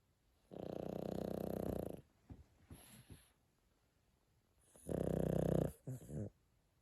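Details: Sleeping pug dog; two loud rattling snores on inhalation, each followed by short snorting exhalations; noisy upper-airway breathing, snoring.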